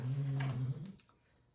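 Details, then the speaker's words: Sweet Pea snoring in the background while someone talks. "can you hear sweet pea snoring in the background we love her"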